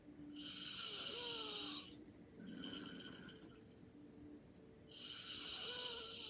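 Soft, whistling snores with slow breathing and a quieter sound between them, over faint room noise; light snoring.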